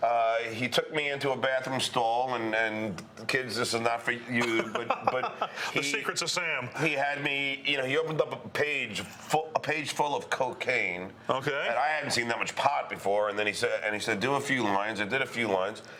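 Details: Adult male comedian who describes himself as a stutterer; word repetitions heard; stuttering.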